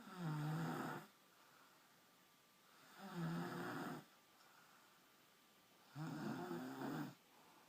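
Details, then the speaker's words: An adult woman asleep snores loudly, three rattling snores about three seconds apart, roughly 20 breaths a minute, quiet between them; she is then woken and denies snoring. Ordinary sleep snoring. "Stop snoring. Stop snoring. Yeah. I'm not snoring."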